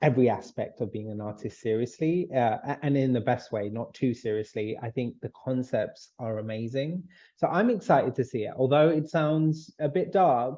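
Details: Adult male speaker; normal voice.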